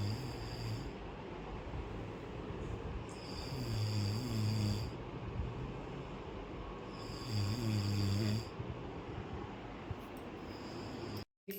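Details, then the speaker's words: Ordinary snoring from a person asleep at quarter to five, who had complained of a headache shortly before: loud, low, rattling snores on two successive in-breaths about four seconds apart, over quiet room noise. "এখন বাজে হচ্ছে পৌনেে পাঁচটা। আর ও ঘুমোচ্ছে। নাক ডাকছে।"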